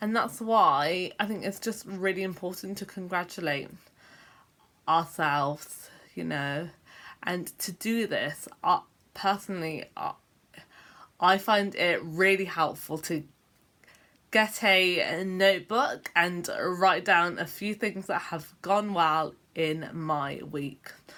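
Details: Adult woman with a self-reported stammer: stammering (stuttering).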